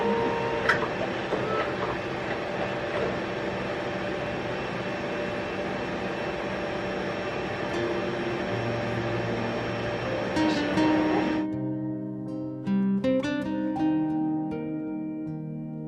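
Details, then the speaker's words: Mammography machine running during a woman's breast imaging: steady mechanical hum and whir, then clicks and motor tones, as she is told to hold her breath and relax her shoulder; ultrasound also planned. "je vais juste en faire une autre retenez le souffle c'est comme ouais ouais pas de soucis ça va arriver"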